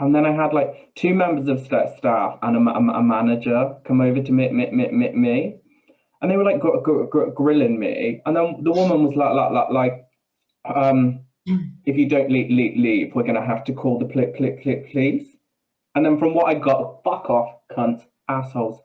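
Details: Adult man with Tourette syndrome: vocal tics with coprolalia, involuntary swearing and blurted phrases mid-sentence, plus a stammer he says worsens under stress.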